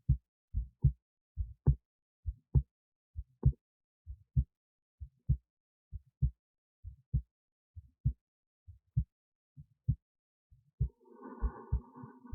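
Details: Own heartbeat recorded with an esophageal stethoscope resting in the esophagus near the heart, with EKG: clear, regular lub-dub at about 66 beats a minute, faint noise near the end; normal heart sounds.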